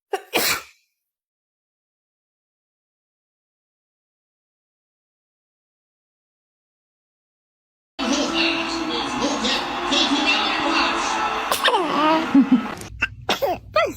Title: The cute baby sneezes 🤧!~